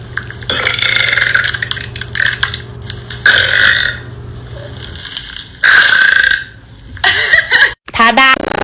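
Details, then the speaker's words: Woman burping deliberately on command: several loud, drawn-out voiced belches in a row, with brief breaths between and a little background music. "saw Creator on here that was getting customs to burp it's about being said here is a sample for anyone interested all right here it goes"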